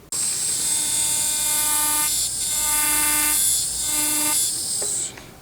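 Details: High-pitched steady whine of a dental implant drill in several bursts, widening the implant site, during a dental school teaching demonstration of an implant drill set.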